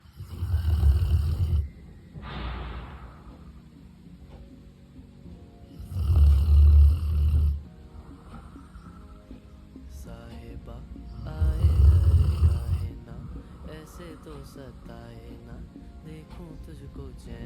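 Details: Deep, rumbling snores from a sleeping golden retriever, possibly a puppy, one roughly every five seconds (about 11 a minute), with music playing in the background; snoring.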